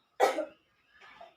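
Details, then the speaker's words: Effective cough demonstrated by a midwifery student with a patient: inhale through the nose and exhale through the mouth three times, then cough on the final breath; one strong sharp cough, then a softer breathy exhale. "fektif yang prosedurnya sama seperti tadi menarik nafas dari hidung dikeluarkan dari mulut sebanyak tiga kali lalu dia untuk pengambilan nafas di akhir langsung dibatukkan"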